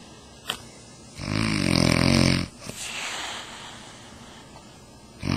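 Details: The speaker's mother, who fell asleep about five seconds into a conversation: one loud, rough, rattling snore on a breath in, followed by quieter breathing noise; ordinary snoring.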